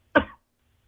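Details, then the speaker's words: Cough from an adult caller over a phone line, a coughing attack right after dabbing: a single short, harsh cough burst. "I'm gonna leave you while you're coughing here because this is good."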